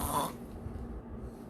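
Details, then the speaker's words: An adult deliberately imitates snoring to show how it is made: a brief breathy burst, then a low, rattling throat rumble from the soft palate and uvula vibrating, not the nose. "이런 소리 나잖아요. 어때요? 코가 아니라 코 안쪽으로 이어지는 입천정 그리고 목젖까지 떨리는 거 여러분 느껴지실 겁니다."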